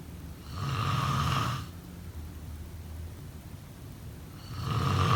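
Two deep, rattling snores with a quiet pause between them, from a sleeping adult.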